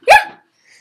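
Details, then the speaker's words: Playful imitation of the speaker's nanny's distinctive-sounding sneeze: a single sharp, high, voiced burst. "but my nanny just sneezed and i will tell you it sounds like this"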